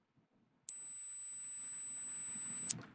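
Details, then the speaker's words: Steady high-pitched pure beep tone of about two seconds, played as a self-test for hearing: if it cannot be heard, hearing loss is almost certain; high-frequency hearing test tone. "소리가 들리시죠? 삐하는 소리가 들릴 거예요.이 소리가 만약 뭐 안 들렸다고 하면 난청이 거의 확실합니다."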